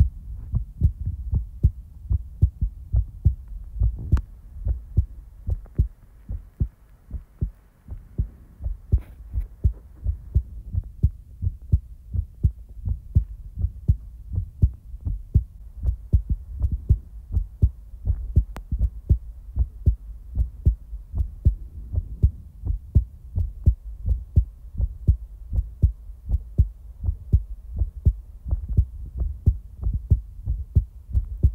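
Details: Heartbeat recorded in real time: steady low thumping about 80 beats a minute with a soft continuous hum underneath; normal heartbeat.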